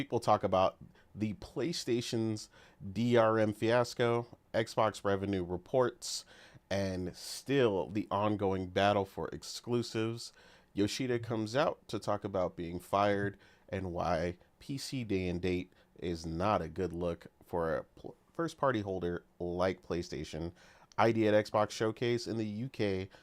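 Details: Adult male speaker; normal voice.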